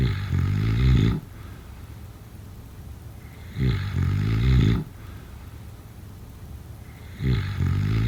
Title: Snoring sounds…